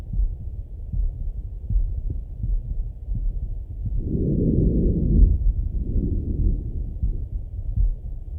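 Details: Stethoscope auscultation of a male's chest: muffled steady heartbeat, roughly 80 beats per minute, with a soft rushing breath partway through; normal heart and breath sounds.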